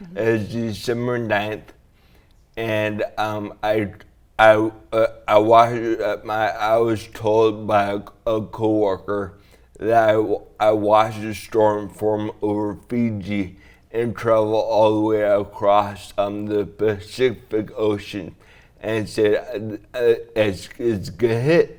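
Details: Young man with dysarthria (slurred speech) after a traumatic brain injury from a snowboarding crash into a tree; damage around the brainstem and cerebellum; 1.5-month coma, then therapy to relearn talking, walking and swallowing; walks with a walker.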